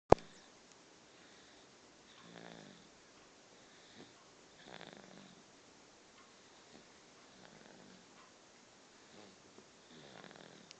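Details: Snoring in sleep: soft, regular rattling snores on each breath, about 22 a minute, in a quiet room.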